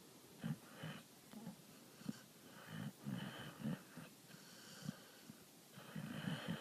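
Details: Dog sleeping very soundly with eyes rolling and twitching, snoring: rapid, uneven snorting snores with rough fluttering on each breath, about 19 per minute.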